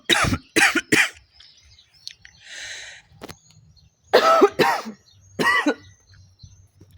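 Repeated bursts of harsh coughing from a woman, with an exhaled breath between bouts; coughing while smoking.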